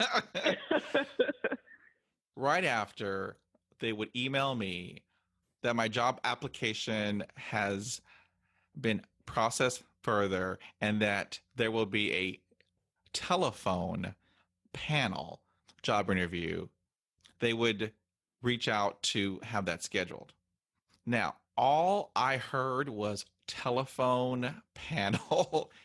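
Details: Speech of an adult woman who stutters, reporting that stuttering affected her job search and interviews. Finding: stuttering.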